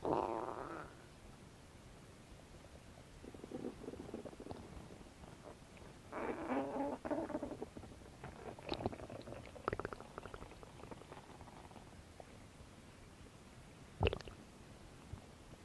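Soft gurgles and squeaky rumbling bursts over quiet hiss, ordinary bowel sounds of gas and fluid moving through the intestines.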